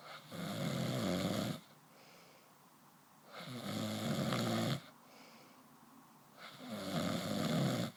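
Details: Snoring: loud rattling snores on each breath in, about 19 a minute, with quiet pauses between them.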